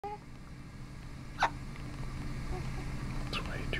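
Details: Newborn baby's first hiccups after birth, on the night he was born, during burping: a single small, sharp hiccup over steady low room noise, with a faint second one near the end.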